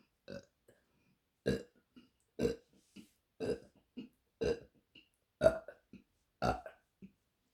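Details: A run of about eight short burps, roughly one per second, from a woman in a quiet room: repeated burping.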